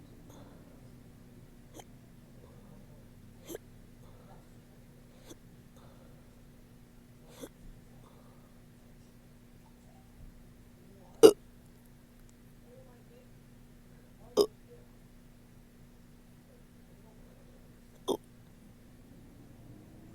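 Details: Sharp, brief, somewhat irregular hiccups, possibly with burps, about 19 a minute in a quiet room, in a person who woke up with them.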